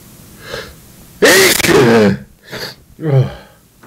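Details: A sharp inward gasp, then one loud explosive sneeze and a second smaller sneeze in a quiet room; cause uncertain, possibly a cold or allergies: sneezing.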